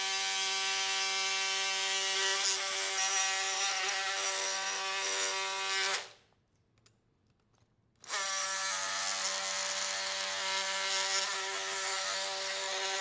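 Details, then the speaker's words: Oscillating bone saw during total knee arthroplasty for knee osteoarthritis, making the posterior femoral cuts with MCL and LCL protected by retractors. Loud buzzing for about six seconds stops briefly, then resumes at the same pitch. "after this we move on to the posterior Cuts use a concave retractor to protect the medial structures including the MCL and the lateral structures including the LCL and the poal tendon you will feel the resistance decrease when you have achieved the correct depth"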